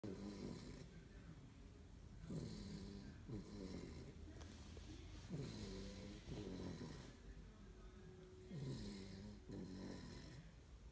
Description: Our Snoring Labrador